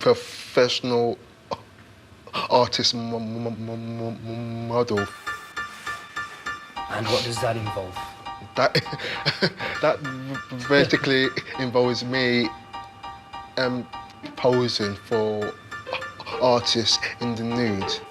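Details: 28-year-old man from London who stammers; stuttering.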